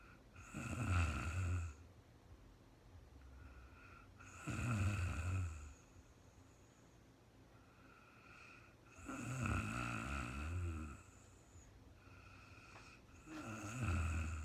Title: real time sleeping woman snoring no talking REM Anxiety relief return of beauty